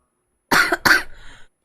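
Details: Girl coughing: two quick, forceful coughs in a row, then a brief breathy trailing sound; a short, dry-sounding cough.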